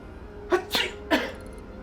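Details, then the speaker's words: Simulated sneezing acted in a short COVID-19 quarantine comedy/horror film: a sharp intake, then two quick sneeze-like bursts over faint background hum, amid dialogue about sneezes and coronavirus. "sneeze man SPG's see just got your sneeze don't mean the coronavirus gonna get you it's not that serious look at it"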